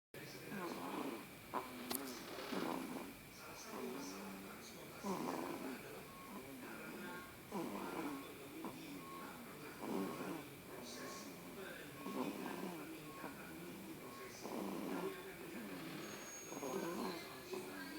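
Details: Sleeping newborn baby boy snoring after tiring of feeding: soft, regular snoring noises with each breath, about 13 breaths a minute, over faint background noise.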